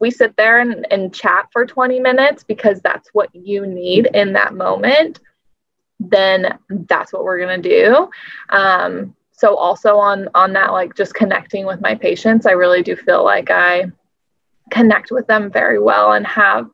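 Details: Adult woman speaking; no speech disorder.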